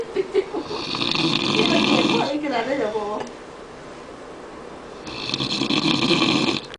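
Loud, harsh, rattling snores in long breaths with a quieter gap between them; heavy snoring.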